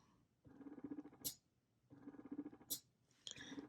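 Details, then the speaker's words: Spectra electric breast pump slowed to cycle speed 38, showing slow recoil. Each slow rhythmic motor hum ends with a sharp hiss release, with about two cycles heard. "And then this is 38. See how long it takes it to come back. That's what I meant when I said recoil."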